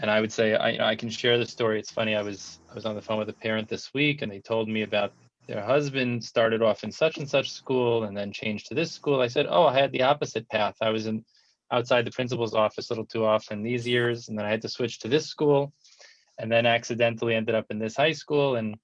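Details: Adult male speaker; typical speech.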